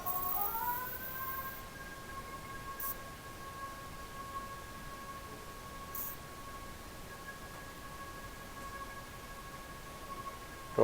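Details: Steady electronic tone rising at the start then holding over faint room noise: phacoemulsification machine during live cataract surgery on a very hard cataract in high myopia, with deep chamber and chop technique.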